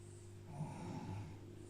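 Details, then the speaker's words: A pet snores in the background of a French card-opening recording. One low, rumbling snore swells and fades over a steady low room hum: ordinary snoring. "Alors, vous allez entendre ronfler derrière. C'est Neva qui ronfle. Et Neva quand elle est ronf elle fait pas semblant."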